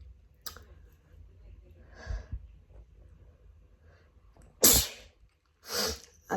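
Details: Adult with autumn allergies sneezing just after coming in from a walk: a soft in-breath, then two loud, sharp sneezes close together.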